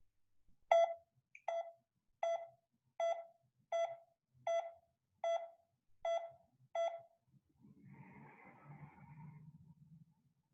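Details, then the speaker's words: Pulse oximeter tone modulation, where a higher SpO2 gives a higher pitch: steady, regular beeps at a constant high pitch, the tone for an oxygen saturation of 100%. "changing tones with changing spo2 is called tone modulation it sounds like this for an spo2 of 100"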